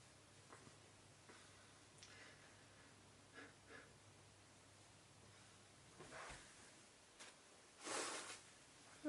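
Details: Adult man sneezing into a handkerchief: quiet sniffs and breaths lead into two muffled, breathy bursts, the second louder, stifled sneezes.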